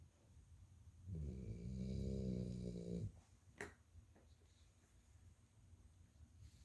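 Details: One long, low, rattling snore lasting about two seconds, then quiet breathing in a small room; snoring.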